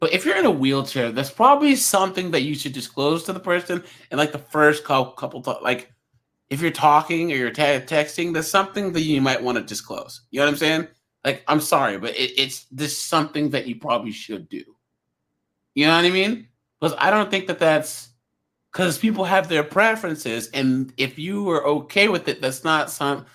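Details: Stuttering in a male live-show host who says his stutter is a disability that people can hear when he first starts talking to them.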